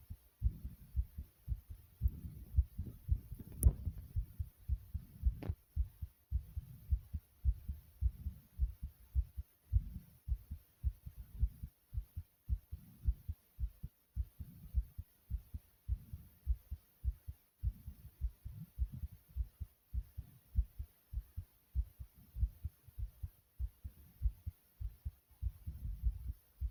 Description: Here is another 1 of my heartbeat vids after exercise